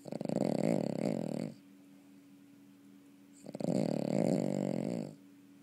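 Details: Sleeping snoring: two loud, rattling, buzzy snores, each about one and a half seconds long, separated by quiet pauses with a faint steady hum; snoring.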